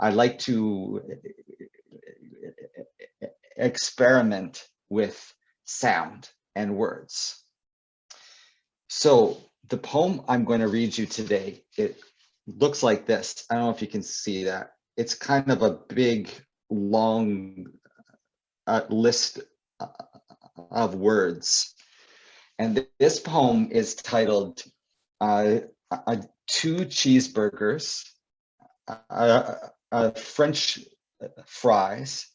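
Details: Adult male author and poet who describes himself as a person who stutters; stuttering.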